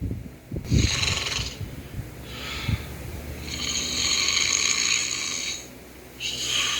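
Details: Imitated snoring by a toucan puppet in a puppet skit: exaggerated whistling, rasping snore sounds, not a real sleeper.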